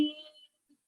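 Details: Imitation of a vocalization many autistic children and some adults make as verbal stimming, related to echolalia and palilalia, not a real patient's own stim; vocal stimming (autism), acted.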